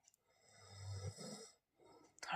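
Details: Husband snoring at night: one long, rough, low inhaled rumble rising in loudness, then a pause and a brief noise.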